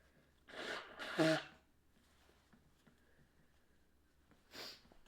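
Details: Mainly nose blowing with a few sneezes: two quick forced bursts of air through nose and mouth, then a quieter sniff.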